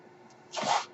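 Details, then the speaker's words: A podcaster's own mechanical ventilator, recorded while he speaks: quiet room, then a soft puff of rushing air under half a second, one delivered breath. "Hello, everyone. My name is. That noise you're hearing is my ventilator."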